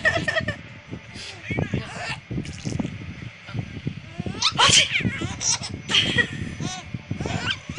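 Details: Adult sneezing twice: two sharp, explosive bursts about a second apart, amid voices and laughter.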